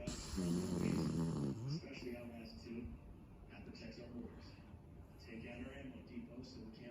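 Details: Miniature Schnauzer dog snoring loudly: a loud rattling snore, followed by quieter snuffling breaths over steady room noise.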